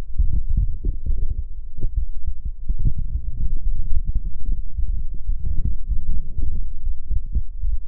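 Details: Heartbeat recorded by a person: low muffled thumping with rumbling and hum throughout, not clearly separable into an exact rate.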